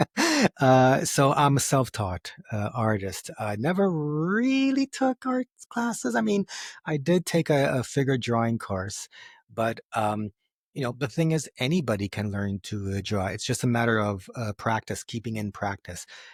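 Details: Adult man who has stuttered since age 4, with a stutter that goes up and down and that he lets happen rather than hiding it; stuttering.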